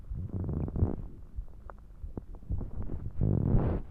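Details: Stomach growling after drinking soda, with some heartbeats: irregular low gurgling and rumbling bowel sounds with bursts of bubbling.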